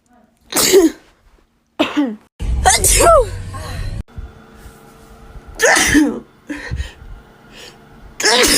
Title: Natural allergy sneezes